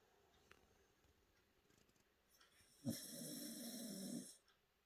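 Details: Cockapoo dog asleep at the table: one drawn-out, rasping snore lasting over a second against quiet room noise; ordinary snoring.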